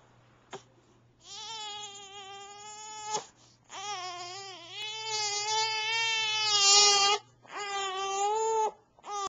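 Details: Infant fussing during tummy time, recorded on a Flip Video camcorder: sustained tonal wails in long bouts with brief gasping pauses; an ordinary fussing cry.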